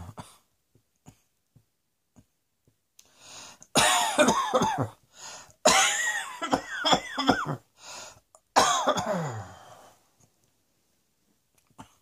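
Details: Adult, acted coughing: three bouts of repeated harsh coughing with throat clearing and short breaths between.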